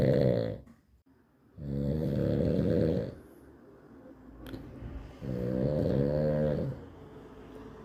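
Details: Heavy snoring: loud, deep, vibrating snores on each in-breath, with quieter out-breaths between them.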